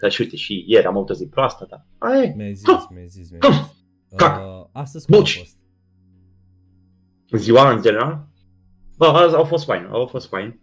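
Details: Man with Tourette syndrome, a comedian, speaking Romanian in a podcast conversation, with vocal tics (e.g. 'psi', 'psam', 'pa pa pa') throughout; real, not acted. Finding: vocal tics (Tourette syndrome).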